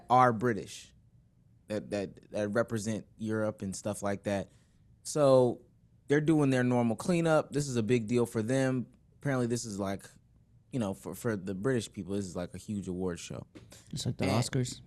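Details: Adult male speaker; normal conversational speech.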